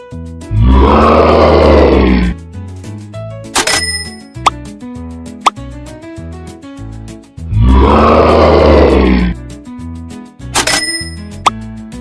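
Two long, loud, rough rumbling snores, exaggerated cartoon-style, with playful music and comic sound effects between them.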